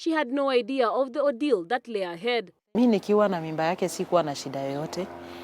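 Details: Adult female narrator, then a second adult speaker; typical speech.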